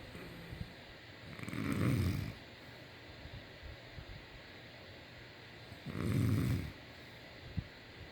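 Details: A man snoring: two slow, deep, rumbling snores about four seconds apart with quiet breathing between; ordinary snoring.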